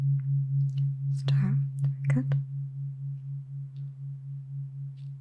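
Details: Simulated tuning fork hearing test in an eyes-closed ASMR cranial nerve exam roleplay: a second tuning fork is introduced and the listener reports hearing one tuning fork or two.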